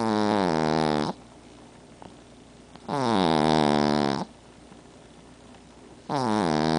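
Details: Female pug asleep on the owner's chest, eye appearing open while asleep, giving loud, tonal, rattling snores about every three seconds (roughly 20 a minute), with quiet breathing between. Snoring.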